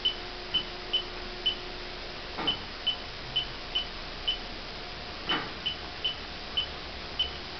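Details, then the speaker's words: Infusion pump keypad tones: fourteen short, high beeps, each after a soft button click, as every key on a Hospira Gemstar infusion pump is pressed during preventive maintenance; all keys give normal audible tones. "So I'm going to start up here and just continue pressing all the buttons, listening for the audio tone."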